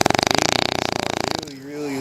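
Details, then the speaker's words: Bulldog puppy asleep in a lap by an outdoor campfire at a cottage, snoring loudly, the first snoring heard from her: a rapid, rattling, fluttering snore for about a second and a half, then it stops. "Pickles, you snore really, really loud."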